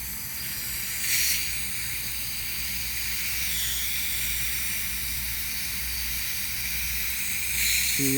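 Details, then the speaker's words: Dental soft-tissue laser releasing a moderate anterior tongue tie in a 6-year-old girl treated for a speech impediment: a steady high-pitched beeping device tone over loud suction hiss. "it's gonna make a beeping noise and it's gonna feel a little warm it's not supposed to be burning or hurting if I do anything that hurts you or burns you you raise this left hand for me so I can see and I stop for you okay"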